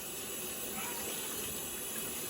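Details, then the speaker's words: Cleaning up after a child's evening gastrostomy (G-tube) feeding, extension tube unlocked so rinse water runs through: steady hiss of running water. "and then we take the extension tube and unlock it and clamp it and the water will all run through"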